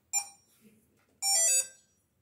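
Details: Infusion pump just started at a doctor-ordered rate of 30 ml per hour from a 50 ml syringe: two short electronic alarm tones, a brief beep then a longer falling tone.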